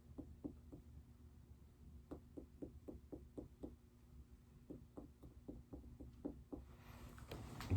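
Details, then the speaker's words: Nurse percussing over several spots on a patient's abdomen during a physical assessment, tapping with a finger after hearing active bowel sounds; dull abdominal percussion note. "The next thing I'm going to do is I'm going to go ahead and I'm just going to percuss over a couple spots on your stomach. So that means I'm just going to take my finger and I'm going to tap all over your stomach, okay?"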